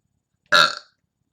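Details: Deliberate ASMR burp during casual talk: a single loud, resonant belch lasting about a third of a second, heard up close in a quiet room.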